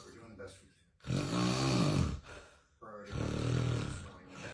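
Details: Two loud, rough, rattling snores on drawn-in breaths with quieter outbreaths, from a compilation of snoring clips; heavy snoring.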